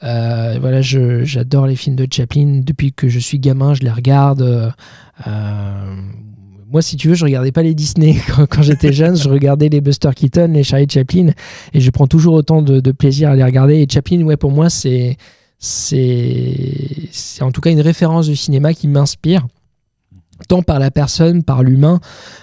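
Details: Stuttering in a 31-year-old man, now mild after much practice; part-word and whole-word repetitions audible.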